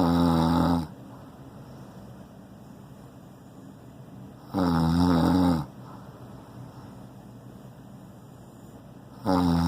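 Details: Male snoring loudly again: loud, rough snores with a low rattling tone about every four to five seconds, separated by quiet breathing; woken, he asks if he is being loud again; heavy snoring.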